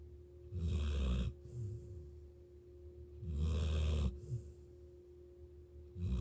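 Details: Loud, rattling, low snores on each in-breath, about 22 breaths a minute, with a steady hum in the room; snoring.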